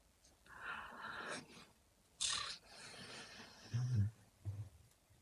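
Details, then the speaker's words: Cocker spaniel snoring in a bedroom while rain falls outside, then waking; owner notes he had been snoring for a while; snoring. "dehors là je sais pas si tu entends mais il y a un quelqu'un qui ronfle dans ma chambre c'est Rover mon coquer"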